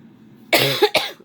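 Two harsh acted coughs in a quiet room, imitating a cold.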